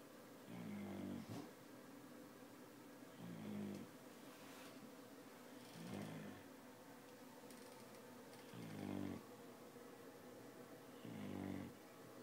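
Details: Sleeping dog snoring loudly enough to wake its owner: rhythmic low rattling snores about every two and a half seconds, roughly 25 a minute, over quiet room noise.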